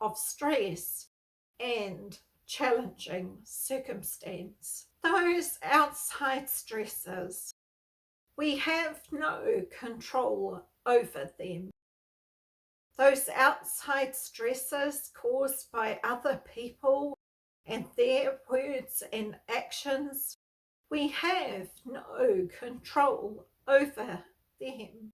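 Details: Spasmodic dysphonia, a neurological voice disorder, in an adult woman who has lived with it for over 38 years; she reports that stress worsens her voicing and speaking.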